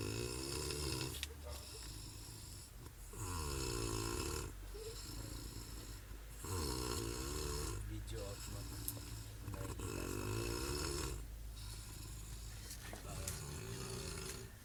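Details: Sleeping dog: repeated long, rattling, wavering snores with a faint hiss between them; heavy snoring.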